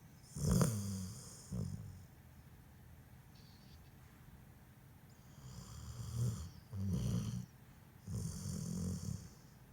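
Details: Sleeping dog: low rumbling snores with each breath, several cycles with quiet pauses between; snoring.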